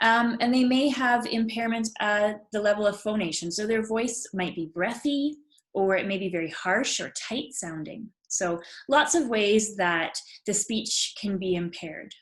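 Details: Adult woman speaking; typical speech.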